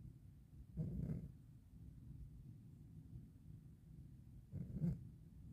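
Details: 12-year-old cat with rhinitis, snoring: two soft, low rumbling breaths about four seconds apart over quiet room noise; gentle snoring.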